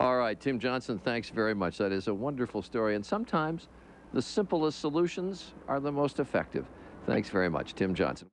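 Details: Adult male speaker; typical speech.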